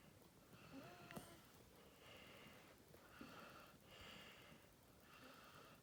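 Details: Sleeping Staffordshire bull terrier dog: quiet, regular breaths with a soft whistling, snuffling noise on each one, about five in six seconds; snoring.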